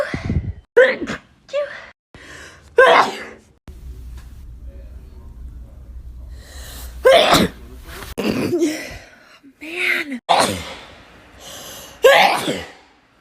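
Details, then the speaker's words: Woman sneezing: several sharp sneeze bursts, some preceded by a quick inhaling gasp, separated by pauses with low background hum. "bless you amanda did you just say are you done thank you did you just sneeze on deck"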